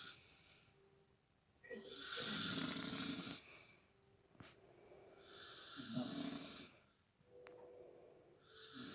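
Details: Grandmother asleep and snoring: harsh, rasping snores, breathing about 18 times a minute, with a few snorting catches. Ordinary snoring.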